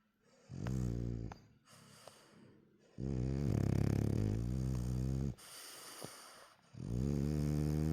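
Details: Real sound, no music: a sleepy French bulldog snoring with half-open eyes.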